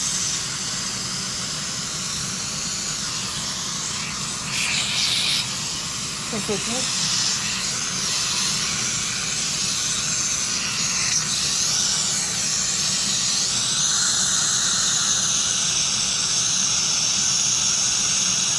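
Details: Piezo-ultrasonic scaler with a high-volume evacuator held close to the tip during cross-arch dental cleaning: steady loud hissing and rushing suction air with a faint high scaler sound.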